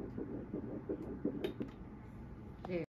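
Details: Fetal heartbeat on Doppler at first prenatal visit: rapid, whooshing rhythmic pulses, fading toward the end.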